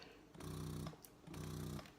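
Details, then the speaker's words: Spectra S2 breast pump in massage mode, the preset mode used first to start let-down: two rapid buzzing motor pulses with short pauses, a faster cycle than the quieter, slower expression mode. "you see the difference in the sound this is the massage mode so you must hide first"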